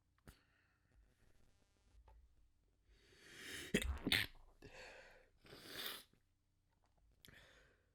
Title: More Stifles and Desperate Sneezes